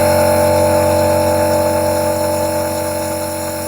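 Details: Steady loud mechanical hum and buzz of a small nebulizer compressor running while treating a 9-month-old boy with a cold, badly blocked nose and difficulty breathing; the baby stays quiet during treatment.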